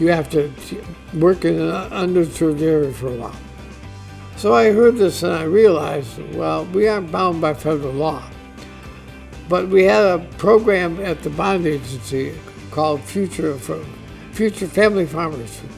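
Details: Adult man diagnosed with ALS (Lou Gehrig's disease), which he says is affecting his voice; he expects only a few more months of being able to work; dysarthria (amyotrophic lateral sclerosis).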